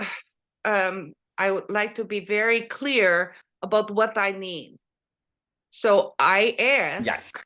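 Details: Post-stroke aphasia and apraxia of speech with foreign accent syndrome and language difficulties in a third-generation Canadian with no genetic link to the accent.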